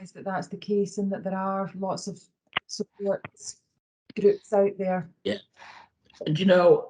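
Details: Adult woman speaking; typical voice.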